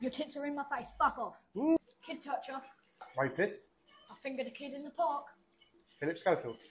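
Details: Vocal tics in a client with Tourette syndrome.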